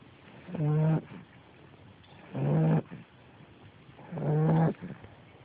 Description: 10 week old American Bulldog Calypso snoring in her sleep!!